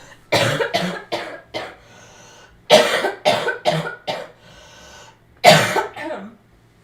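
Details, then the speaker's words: Adult recovering from a cough: a wet cough described as low and "crispy" with "something in there," heard as three bursts of about eight loose, rattly, phlegmy coughs. "It's like a low like it's like a very There's It's a crispy cough. There's something in there, you know."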